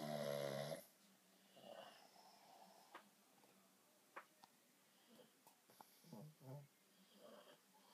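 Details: Pug dogs napping: one loud, rattling snore followed by softer snuffling breaths and faint room noise; snoring in a sleeping dog.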